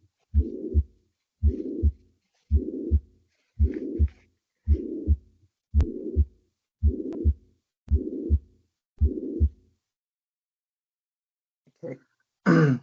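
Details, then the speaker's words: Regular heartbeats near 56 a minute with a blowing pansystolic murmur filling the gap between the first and second sounds, from mitral regurgitation; teaching sound clip. "So, that's the pancysic moment that we hit."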